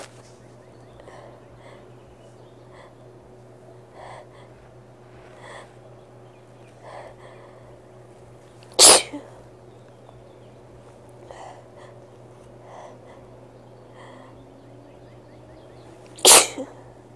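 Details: Person with a cold: two sharp, explosive sneezes about seven seconds apart, with faint sniffing and breathing between.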